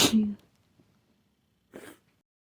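A loud, wet explosive sneeze with a brief voiced tail, then a second, softer sneeze after a short silence.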